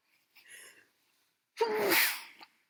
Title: Loud, snotty sneezes